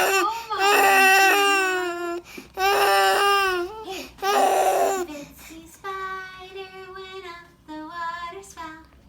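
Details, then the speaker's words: Infant boy crying after being startled by his father's sneeze: loud, sustained crying in long wails with brief gasps between, easing into softer whimpering cries. "I sneezed, so he freaked out. Caleb, don't worry. It was just a sneeze."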